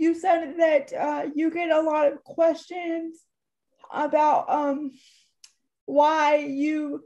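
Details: Dysarthria in a woman almost 32 with cerebral palsy who says talking is hard for her and that her disability shows as soon as she speaks.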